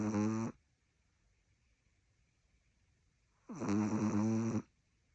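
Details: Small long-haired Chihuahua puppy snoring: two loud, buzzing, tonal snores separated by a quiet pause of about three seconds; ordinary big snores from a small dog.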